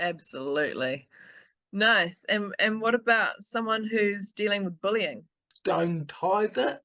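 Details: Adult speaker; typical speech.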